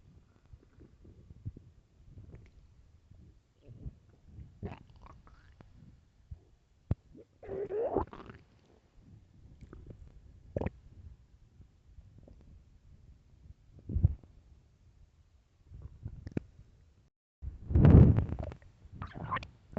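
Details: Very hungry, famished person: low gurgling and rumbling bursts of varying length with quiet gaps; stomach growling, borborygmi.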